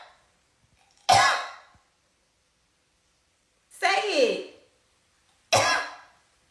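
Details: Dog coughing: three short, harsh bursts separated by silence, coughs or cough-like barks, while the owner tries to teach her to cough on cue; she was coughing before recording started.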